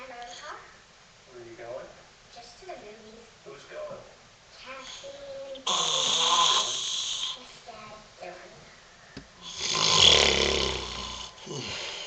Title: Dad Snoring